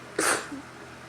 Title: Sneezing Again